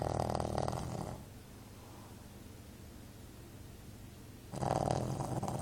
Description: This Shih Tzu sleeps and snores as soon as he lies down.